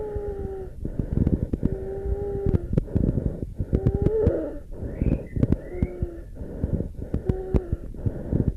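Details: Lung auscultation recording from the ICBHI 2017 dataset: musical wheezes over breathing with short clicking crackles scattered through, both abnormal lung sounds.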